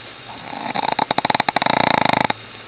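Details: Sleeping female rescued Shih Tzu snoring: loud, rapid rattling snore, a fluttering buzz of many quick pulses during one long breath.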